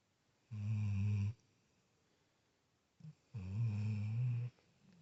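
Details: A sleeping Labrador dog snoring: two deep, low buzzing snores on breathing in, with a quiet pause between them.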